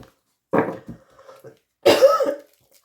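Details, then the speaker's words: Adult woman who says she still has COVID and has lost her voice: two harsh coughing bursts, the second louder and longer, with faint throat sounds between them, in a quiet small room. "pardon j'ai encore le covid j'arrive pas du tout à retrouver ma voix donc je suis vraiment désolé"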